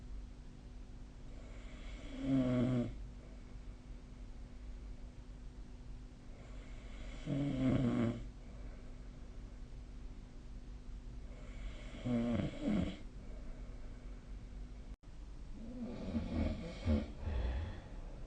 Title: 🐽 いびきの音 / Snoring Sleep Sound 2025/05/21